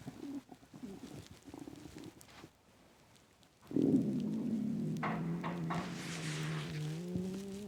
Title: Loud intense empty stomach growling